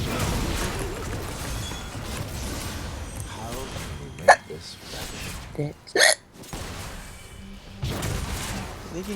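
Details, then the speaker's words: Two or three sharp, brief gulping hiccups from a woman who has the hiccups while playing a video game, heard over game music and talk. "never heard you with hiccups before so cute yes I know I want to hear you hiccuping"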